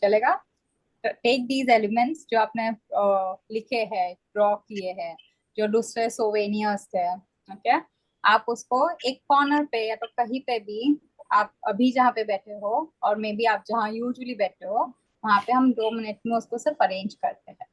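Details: Adult woman speaking Hindi-English; normal speech.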